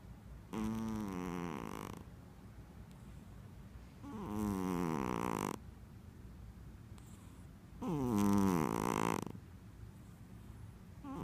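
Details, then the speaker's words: Loud, drawn-out snores on each inward breath, about 16 a minute, separated by quiet out-breaths, from a sleeping Persian cat; snoring. "Dexter, you're snoring. Oh, I finally have proof."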